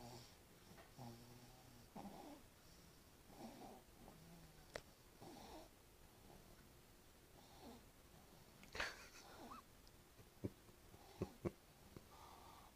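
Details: Soft, repeated rasping breaths with a faint whistle in a quiet room, broken by a few clicks; snoring.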